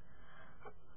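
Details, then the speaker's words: Person with hereditary Tourette syndrome makes a brief, high, thin squeaky noise while wrinkling the nose. Simple vocal tic (squeak). "Well, that was a tick that you saw just there, me making that little squeaky noise and wrinkling my nose."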